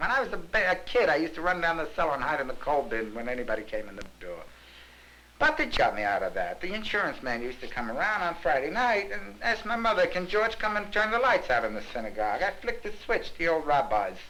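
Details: Talkative, excited hypomanic adult man denying depression and showing psychomotor activity typical of mania, in a filmed 1967 psychiatric interview. Finding: pressured speech (hypomania).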